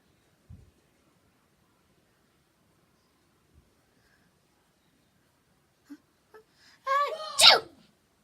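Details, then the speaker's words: Single sharp, loud sneeze after a voiced inhalation in a quiet room; person says they won't stop sneezing. "sorry guys LM I said let's you thank you I won't stop sneezing like I hate I hate"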